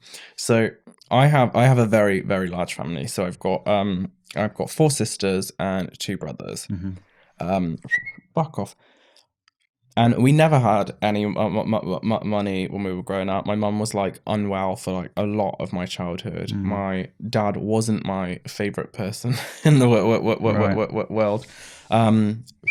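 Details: Man, 31, with Tourette syndrome diagnosed in his mid-20s after illness with brain swelling and brain damage, with mild tics in childhood; vocal tics with a stammer.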